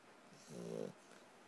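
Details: Sleeping puppy snoring: a single short, buzzy, low-pitched, vibrating snore.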